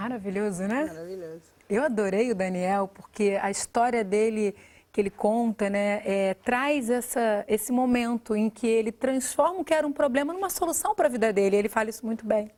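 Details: Adult woman speaking; normal speech.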